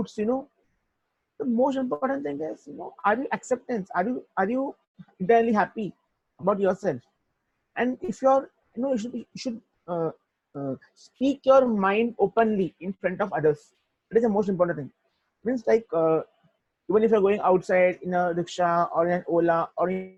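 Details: Adult male who stutters; stuttering.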